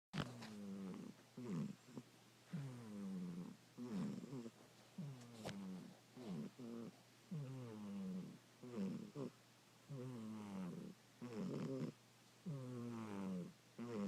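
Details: Sleeping cat snoring steadily, rough fluttering sound on each breath, about 25 breaths a minute, likened to a grown human's snore.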